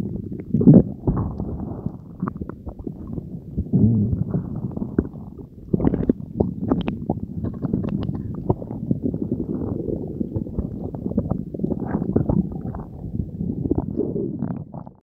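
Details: Stomach after swallowing Diet Coke and Mentos: continuous low gurgling and rumbling from the belly with bubbly pops, active borborygmi of digestion.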